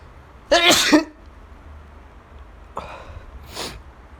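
One loud voiced sneeze, followed a moment later by a softer second sneeze in a quiet room.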